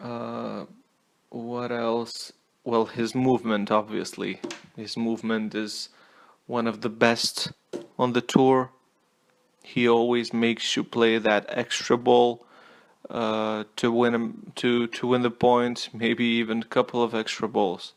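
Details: Stuttering with word repetitions in an adult male non-native English speaker giving a tennis player review; he apologizes for his stutter.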